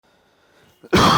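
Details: Cough.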